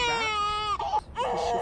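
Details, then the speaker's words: High-pitched wailing cry broken by short breaths from a 7-week-old baby girl, a fussy cry the mother thinks is from tiredness. "is getting a bit fussy I think she's tired"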